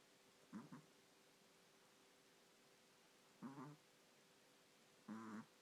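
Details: A puppy snoring while another sleeps quietly; snoring.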